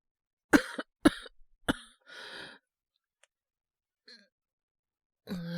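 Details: Acted coughing by a male voice actor: three sharp coughs, a breathy exhale and quiet pause, then a groan, portraying a boyfriend awake at night with a cold, cough and high fever.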